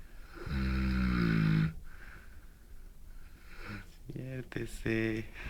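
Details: Large Neapolitan mastiff, hard to wake, snoring: a deep buzzing snore followed by shorter snorts and groans as the dog stirs and wakes.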